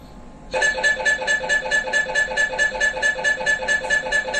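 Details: Loud, rapid, rhythmic electronic buzzing beeps, about two a second, from an MRI scanner running an imaging sequence; MRI scanner noise.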